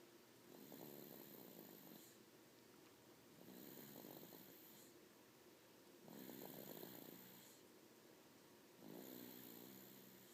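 Four rough, rattling snores come at a steady pace, about 22 a minute, with quieter breathing between them in a small room. This is snoring.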